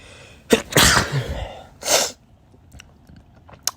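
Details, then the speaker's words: Two sharp sneezes in quick succession, then quiet sniffing, from a person with severe pollen allergies; a sneezing fit. "If you couldn't tell, my allergies are [ __ ] insane right now."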